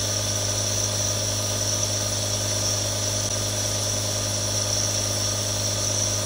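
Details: Real recording of three different nebulizers running: a steady mechanical hum with a constant hissing spray of air.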